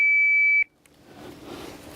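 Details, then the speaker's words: AED demonstration at a golf course: after baring the chest, the defibrillator is pulled from its red box and the green button pressed, giving a single steady high-pitched power-on beep; AED power-on beep. "so you pull it out of the red box push the green button"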